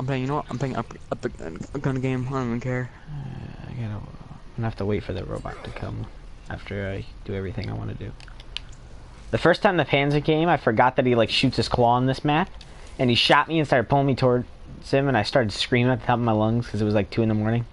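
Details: Adult male speaker; ordinary speech.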